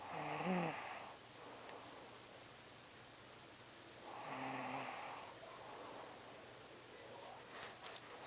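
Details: Person snoring while asleep: two rough, vibrating snores on the in-breath about four seconds apart, with quiet breathing between them in a small room.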